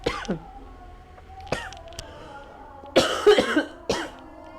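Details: An adult woman lecturing gives several short, sharp coughs in separate bursts, with a cluster of stronger coughs near the end.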